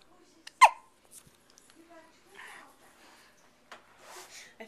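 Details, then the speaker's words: A newborn's first hiccups after birth: one sharp hiccup and a fainter second between soft breathy sounds, then settling. "hi I am a little alarmed by what is going on first out of the womb hiccups for"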